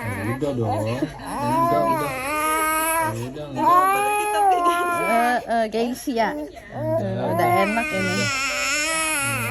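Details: Infant with cough and cold crying during massage: repeated loud wails with short breaths between, adult's voice in a small room.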